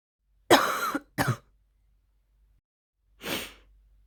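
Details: Cough in an adult who has had a sore throat and blocked nose for a week, the first coughing episode, burning the throat and chest slightly: three coughs, two close together then a softer one; upper respiratory infection.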